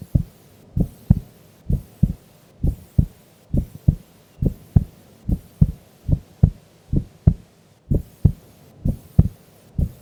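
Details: Female sleeping during an afternoon nap: steady paired lub-dub heartbeats, about 66 a minute, clear and regular; normal resting heart sounds.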